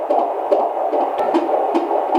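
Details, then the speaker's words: Doppler fetal heart tones in a second pregnancy with earlier high amniotic fluid: rapid, regular whooshing pulses about 150 a minute; normal fetal heart tones. "I'm not hearing anything. It sounds really good."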